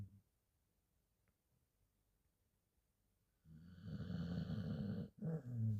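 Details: Border collie dog snoring in her sleep: silence, then a long, low, fluttering snore, a brief pause and a second snorting breath.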